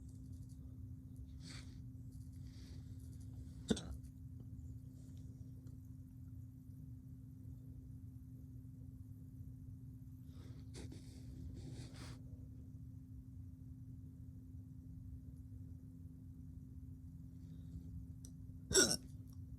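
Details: Male woke up with unpredictable hiccups: a few sharp, sudden hiccup sounds at irregular, widely spaced intervals against quiet room hum.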